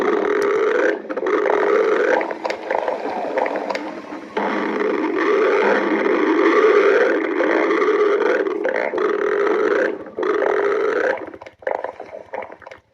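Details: Stomach growling (borborygmi).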